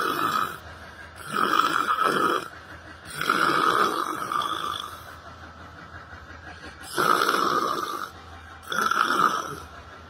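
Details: Person sitting on a library bench, sleeping: repeated loud, harsh, buzzing snores with short quiet gaps, roughly every two seconds. Heavy snoring.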